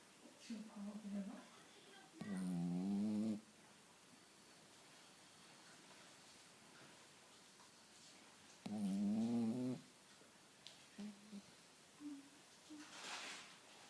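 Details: Cavalier King Charles Spaniel snoring up a storm: two long, low, rattling snores about six seconds apart, with soft breathing and faint room noise between; ordinary snoring.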